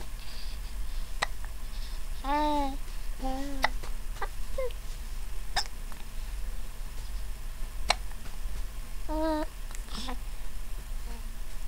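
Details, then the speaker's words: Baby with sharp, brief hiccup clicks about every two seconds, around five in twelve seconds, between soft coos over steady room hum: infant hiccups. "hi who has hiccups do you have hiccups see Mama hey I love you"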